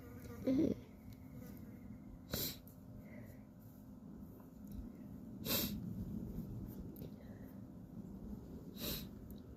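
Three short, sharp nasal bursts a few seconds apart over an outdoor hum; repeated sneezes or snorts.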